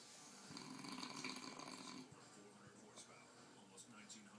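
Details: Person taking a 5-minute power nap: a rattling, buzzing snore of about two seconds, then quieter breathing, with faint room noise and background voices; snoring.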